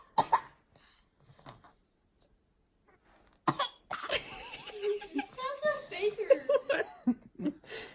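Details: A baby deliberately fakes a cough: a couple of short, playful imitation coughs, then babbling while an adult talks; not illness.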